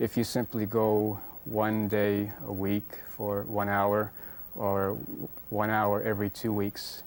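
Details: Stuttering in an adult man who says he is not cured, after intensive treatment programs; he uses fluency-shaping speech, speaking in a very slow, measured way to control his stutter.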